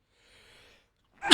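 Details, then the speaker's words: An adult male streamer announces he is about to sneeze; a faint breathy intake and a brief pause come before the sharp, loud onset of a single sneeze. "And it's easy. I'm going to sneeze."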